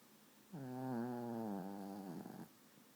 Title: Dude! You snore kinda loud for a 12lb dog!!